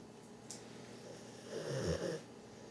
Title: Dexter, the bullmastiff, snoring